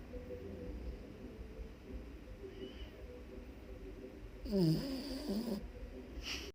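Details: Soft steady snoring, then a loud rattling, wavering snore near the end from a sleeping puppy; ordinary loud snoring.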